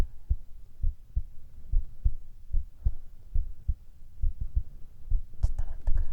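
Steady paired low thumps of a heartbeat at about 70 beats a minute, with brief rustling near the end.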